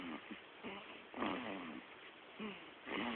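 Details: Sleeping baby snoring like an old man: soft, high-pitched, squeaky breathing noises repeating every second or so; infant snoring.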